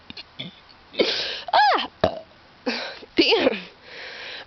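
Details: Person repeatedly burping while sitting on a big rock near an edge: several loud, drawn-out throaty belches with gliding pitch, separated by short pauses; repeated burping.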